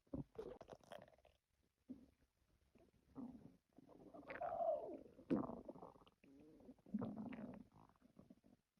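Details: Bubbling gurgles with squeaky, whining rises and falls from the stomach; ordinary stomach growling (borborygmi), a normal digestive noise.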